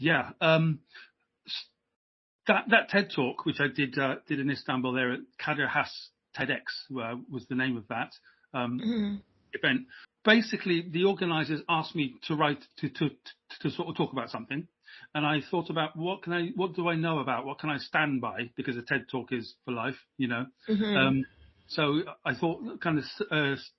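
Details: Adult British man who has stammered since age five; a repeating stammer in childhood later took hold; speech much improved over 15 years using voluntary stammering and modification techniques; stuttering (stammering).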